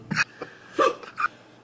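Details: Person with hiccups after the one chip challenge: four quick, abrupt gulping hiccups in under two seconds.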